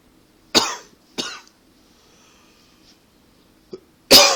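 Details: Adult with a persistent tickly cough attributed to allergies and partly to smoking, not a true coughing fit; several sharp dry coughs with brief throat-clearing between. Cough.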